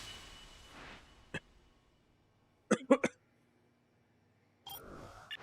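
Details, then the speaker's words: Adult who is still a little sick gives a quick run of three short, dry coughs with faint background noise; cough. "also yeah I'm still a little sick so you'll hear coughing and [ __ ] occasionally I'm I apologize about that"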